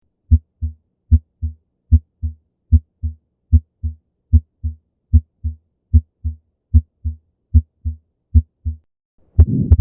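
Steady paired heartbeats at about 75 a minute, clean between beats, typical normal heart sounds.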